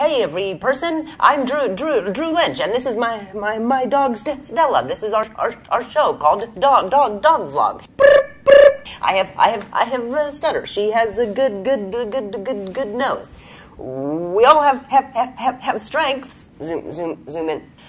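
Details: Stuttering in a man, a comedian, who has a stutter.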